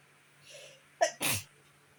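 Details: A person who woke up sneezing, described as very allergic: a quick in-breath, then a sharp two-part sneeze burst in a quiet room.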